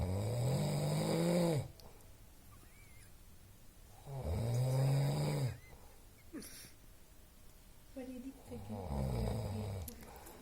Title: Snoring festival